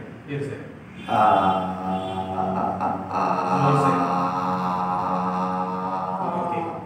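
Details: Puberphonia patient phonating while the therapist applies manual pressure to the larynx during a speech therapy session; puberphonia (voice during therapy).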